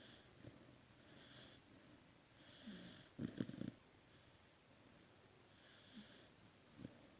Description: No,rest with a dog who snores so loud